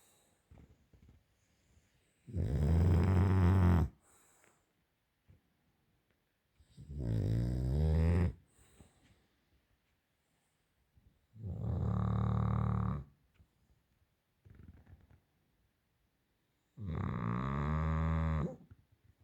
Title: British bull dog snore sooooo Loud